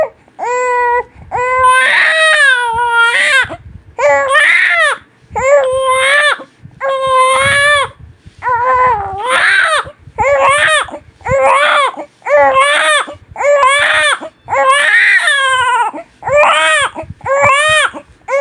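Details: Newborn baby crying loudly and at length, sustained wails about one a second with brief breaths between; strong, clear newborn crying.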